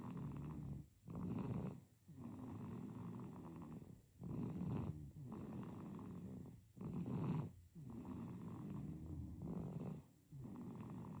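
Soft, quick, low rumbling snore on nearly every breath with short pauses between; snoring in a sleeping baby.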